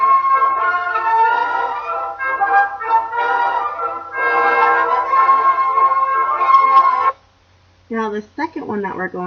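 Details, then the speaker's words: Simulation of normal hearing: a piece of classical music plays clear and crisp with full treble, shown as the baseline before a conductive hearing loss demonstration. "The first demonstration is of a person with normal hearing. Let’s take a listen, and see what that sounds like."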